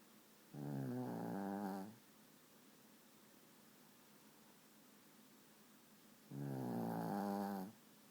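Two loud, rough, rumbling snores about six seconds apart, with quiet breathing between them; a small dog snoring.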